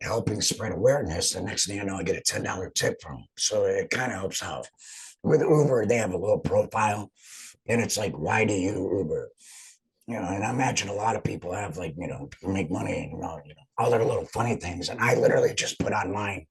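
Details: Adult man speaking; alaryngeal speech after total laryngectomy.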